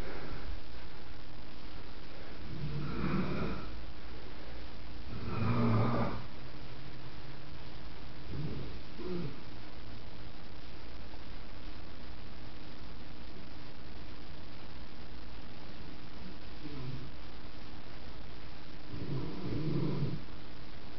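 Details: Grandmother sleeping on the couch, snoring heavily: deep, rumbling snores recurring every few seconds, some louder than others, under a steady background hum; snoring.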